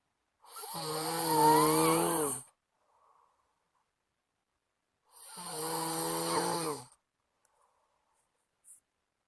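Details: Friend asleep, snoring loudly enough to keep the recorder awake; two long, loud, rattling snores on breathing in with quiet pauses between, about 13 breaths a minute; snoring.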